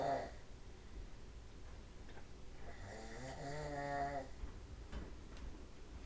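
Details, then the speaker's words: "Boys" snoring in a snoring contest at 5:30 in the afternoon: a single drawn-out, buzzing snore on one breath, with room noise in the background. "Yes, that's those boys snoring at 5:30 in the afternoon."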